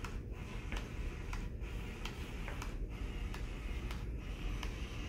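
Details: CADD-Solis PCA infusion pump priming its tubing via the prime function to clear air from an attached cassette, in a demonstration: regular soft mechanical clicks over steady room noise.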